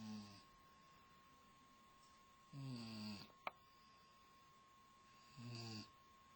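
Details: A four-month-old snoring: three soft, low, fluttering snores a few seconds apart, about 20 a minute, with faint steady hum and one sharp click behind.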